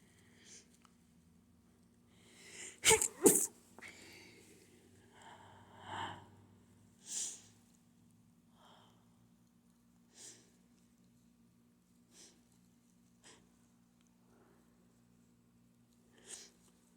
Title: trying to hold back allergy sneezing